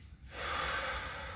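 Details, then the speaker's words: Normal deep breathing in an 18-year-old male during a thoracic lung exam, stethoscope diaphragm on the chest: one long, smooth, deep breath with steady airflow and no wheeze or crackle. "what we're listening for is we want to hear mostly uh we want to hear a bronchopassicular vesicular lung sounds in the chest there"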